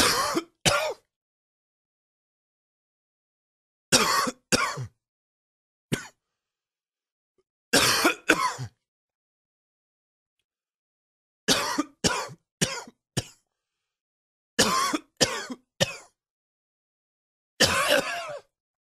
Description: Pretty intense coughing fit from this morning.